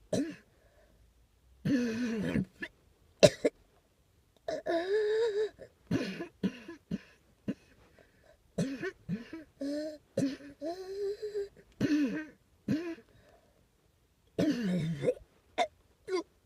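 Repeated harsh coughs and throat-clearing sounds with voiced, groaning tails, separated by short pauses in a quiet room.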